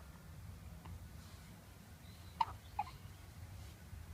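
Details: Two soft, sharp hiccups about half a second apart over low room noise.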